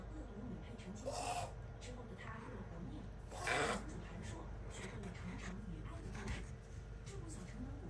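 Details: Pet wheezing: two loud, rasping breaths with a faint whistle, suggesting narrowed airways.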